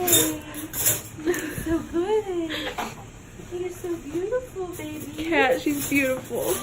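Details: Short, rising and falling cries from a newborn girl right after birth in hospital, following about 24 hours of labor, with room noise and brief adult voices; normal newborn cry.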